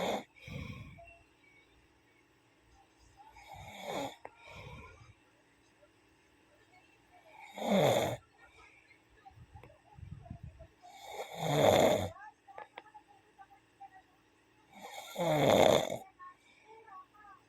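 Rough, rattling snores with each breath, about 16 a minute, separated by quiet pauses; ordinary snoring.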